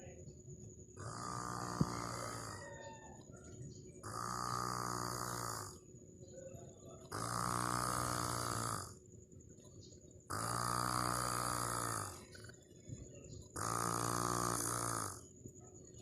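Five long, steady, buzzing snores about every three seconds, roughly 19 breaths a minute, over a constant background hum.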